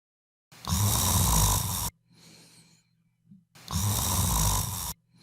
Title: How Soundly reduces snoring